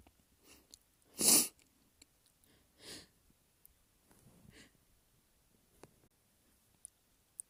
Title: Sneezing Fit with Buildups